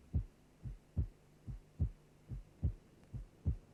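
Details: Normal first and second heart sounds, presented as a reference example in a cardiac auscultation teaching programme.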